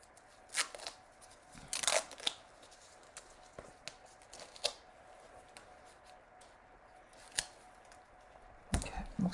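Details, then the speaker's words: Nursing skills demonstration of IV insertion, 20-gauge one-inch catheter: medical tape torn and pressed down to secure the IV site; quiet room with several sharp tearing and crinkling bursts. "and then use what's called foam tape to kind of secure the um the site but we're just going to kind of lightly use some of this this tape here"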